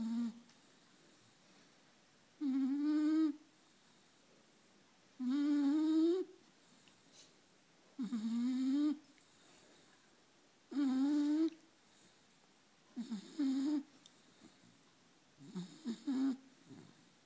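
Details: 4-month-old puppy in deep sleep snoring: short tonal, whistling snores on each breath, about 22 a minute, with silence between.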